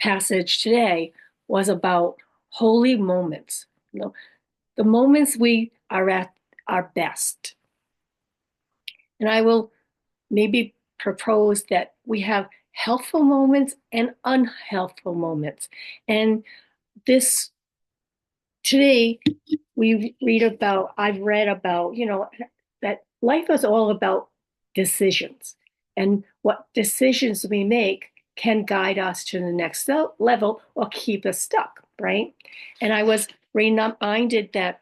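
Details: Adult woman living with aphasia, apraxia of speech and dysarthria after a stroke: aphasia, apraxia of speech and dysarthria.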